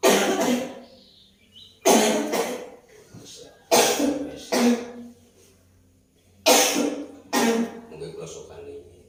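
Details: Woman with a persistent cough that will not heal, who reports a sleepless night from coughing, during traditional massage: about six harsh coughs, mostly in pairs with quiet gaps.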